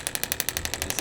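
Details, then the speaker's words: Radial shockwave therapy on the sore lower central left knee of an adult male triathlete with a couple of years of low-level pain: rapid, regular sharp clicking pulses at about twelve a second, aimed at disrupting poorly healed tissue. "aiming to do is we're kind of disrupting some of the tissue in this area that might have healed poorly and giving it a chance to um be better the second time around and that alleviates a lot of pain"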